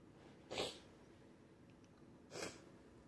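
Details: Two sharp, explosive sneezes about two seconds apart, each a quick burst of air with a hiss, in a quiet room; sneezing fit.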